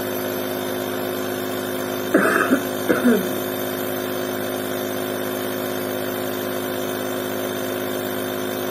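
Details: Omron InalaPop NE-C704 home compressor nebulizer running, used for family members' respiratory problems: steady compressor motor noise.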